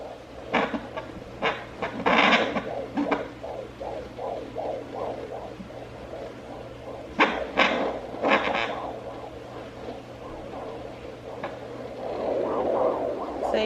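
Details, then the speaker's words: Home fetal Doppler used by a first-time pregnant mother, with the probe and gel placed low on her abdomen. Fast, rhythmic whooshing fetal heartbeat at about 157 per minute between loud probe scrapes. "guys there's my baby's heartbeat 157 okay there it is again nice"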